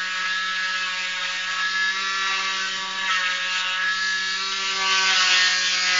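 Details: Cast removal: continuous high-pitched motor whine with grinding and rasping as an oscillating cast saw cuts through cast material.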